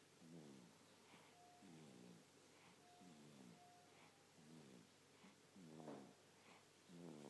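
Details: Sleeping person: soft, regular, low vibrating snores, one per breath, about 46 a minute, against a steady background hiss; quiet snoring.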